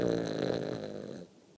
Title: Dex snoring